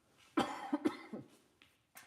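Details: Cough.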